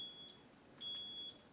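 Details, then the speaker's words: Zoll ventilator training demo in volume control mode while adjusting FiO2: high-pitched alarm tones, one short then one longer, sounding because the vent is not hooked up to oxygen. "To solve the alarm, plug in oxygen or bring it back to oxygen."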